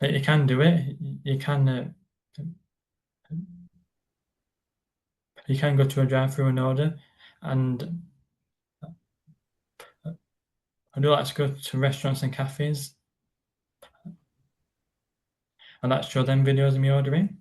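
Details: Stammering (stuttering) in an adult man who describes it as a neurological condition that blocks words from getting out, on any word; silences occur while he is blocked.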